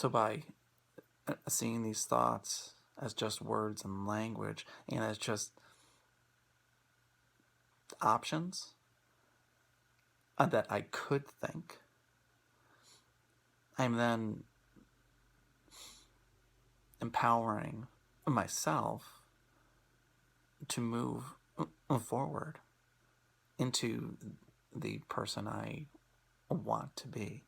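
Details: Stuttering in an adult man who stutters and is using Acceptance and Commitment Therapy.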